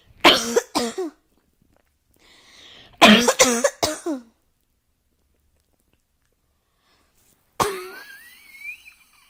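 Two bouts of three sharp coughs each, then a single cough trailing into a rising voiced sound, in a quiet room; repeated dry coughing.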